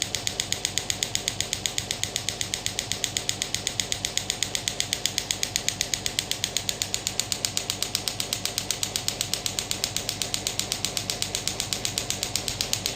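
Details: Pneumatic ballistic radial extracorporeal shockwave therapy (ESWT) device set to maximum intensity and fired off the hand: rapid, evenly spaced sharp clicks from the applicator.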